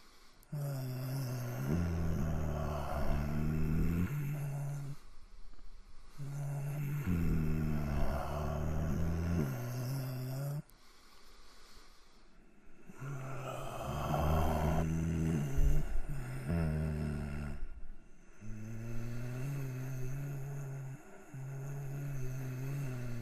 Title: Male Sick Breathing Sound Effect / Man Feeling Ill With Heavy Breath Sounds / Sleep Snoring Noises